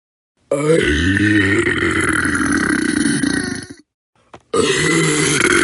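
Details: A long, deep, rumbling belch of about three seconds, then a second one starting after a short pause, from a royalty-free sound-effect compilation: burping.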